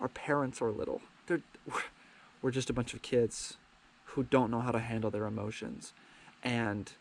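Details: Adult man with a lifelong stutter that he calls minor, sometimes getting stuck on words, after years of speech therapy: stuttering.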